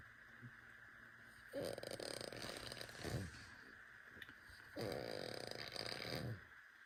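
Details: Snoring from a sleeping baby.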